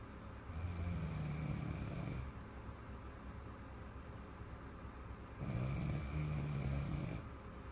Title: Little Girl BIG Snore !